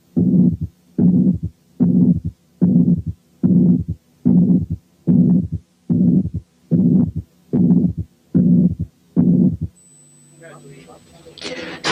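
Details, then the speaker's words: Mitral incompetence: a regular heartbeat near 74 per minute, with a muffled first sound, a long blowing pansystolic murmur, then the second sound and a third heart sound. "سمعتوا ايه؟ muffled first sound ثم pansystolic murmur ثم second sound ثم a third hard sound."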